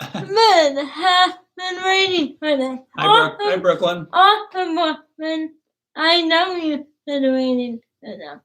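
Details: Dysarthria from cerebral palsy in a young woman about to turn 20 who has trouble with plosives such as p and b.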